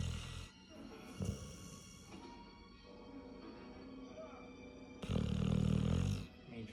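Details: Female pit bull dog asleep, said to snore louder than an adult man: low rumbling snore bursts partly mixed with background sound: ordinary snoring.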